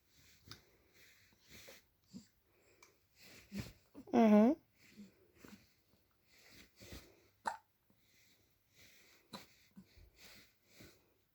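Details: Infant nearly three months old with hiccups: quiet, soft, repeated hiccup clicks every second or two, with one brief fussy cry; ordinary infant hiccups.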